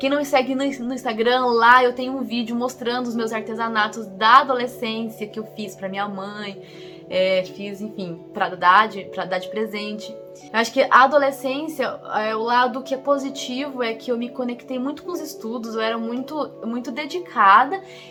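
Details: Adult woman, 25, who stutters, speaking Portuguese, with stuttering including blocking; stuttering.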